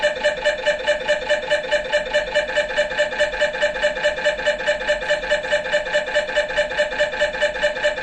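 Loud, steady, rapid mechanical buzzing pulses, about 140 a minute, typical of an MRI scanner running an imaging sequence.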